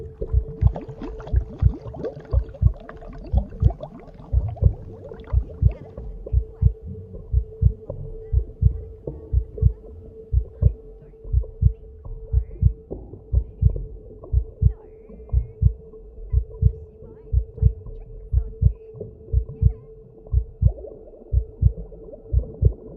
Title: 【Heart Sound🫀】When you were in the womb👩‍🍼 #RelaxingSound #heartbeat